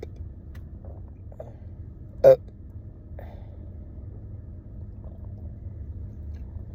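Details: Deep burping montage: a single short, deep belch rises briefly above a low rumbling background; an ordinary burp.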